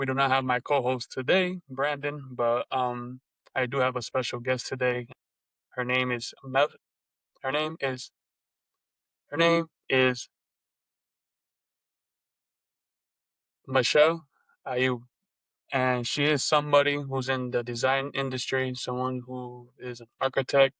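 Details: Adult podcast host who stutters, with repetitions; stuttering.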